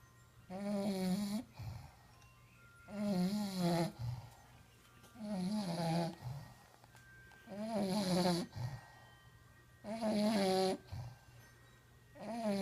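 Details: Regular loud snoring in a bulldog, about 26 breaths a minute, with whistling, wavering inhaled tones and short snorting exhales.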